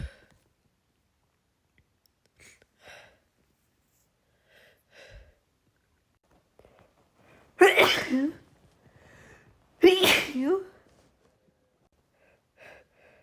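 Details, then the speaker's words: Woman's pollen allergy sneezing fit: two forceful sneezes about two seconds apart, with soft breaths and murmurs between; uncontrollable allergic sneezing. "The pollen is really getting to me as you can probably hear."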